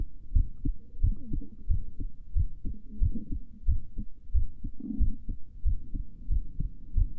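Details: Normal heart sounds of a female before sleeping: steady paired low thumps at about 91 beats a minute.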